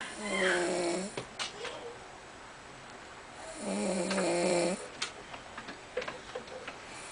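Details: Two long, loud, rattling snores about three seconds apart, with short snorts and puffs of breath between them; ordinary snoring during sleep.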